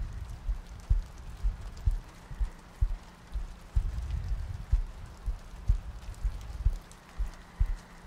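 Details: ASMR sleep-aid loop of a heartbeat with soft breathing and rain ambience: soft, steady low thumps at about 62 a minute under rain noise.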